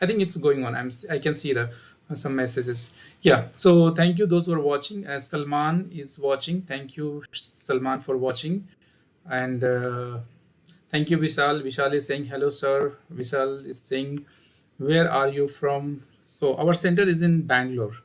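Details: Adult male speaker; typical speech.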